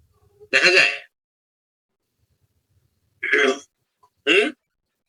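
An adult gives one harsh cough, then two short throat clears, in a quiet room.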